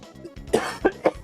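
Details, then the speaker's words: Adult woman who says she is sick does a mock cough: three short, dry cough bursts with game music underneath, which she likens to an old man's cough. "My really [ __ ] girly ass cough that I have where I sound like a 90year-old ancient man cuz I'm going to die."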